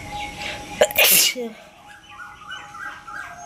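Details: Single sharp, forceful sneeze outdoors with birdsong behind it, done for a sneezing challenge; ordinary sneeze.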